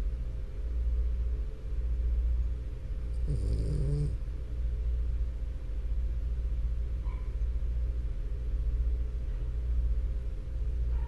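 Continuous low, rumbling snore from a sleeping dog with a brief snort; steady noisy breathing through a narrowed upper airway.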